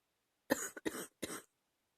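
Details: Three short, rough coughs in quick succession in a quiet room, with a loose, chesty quality; a mild productive cough recorded while sick last summer.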